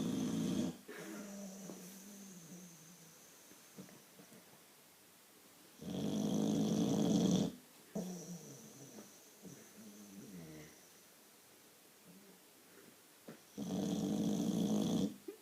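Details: Boxer dog snoring loudly while asleep: loud, rough, rattling snores with each breath a few seconds apart, quieter breathing between; heavy snoring.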